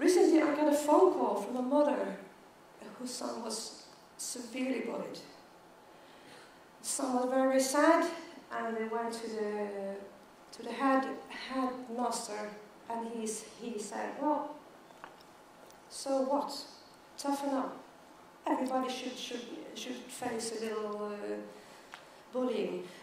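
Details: Adult woman who stutters and counts herself part of the stuttering community, speaking as keynote at a world congress for people who stutter. The finding is real stuttering.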